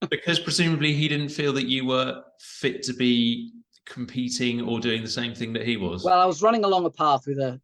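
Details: Adult men in conversation; normal speech.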